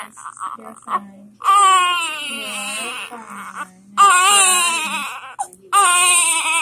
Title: First time in Daddy's arms 32 week preemie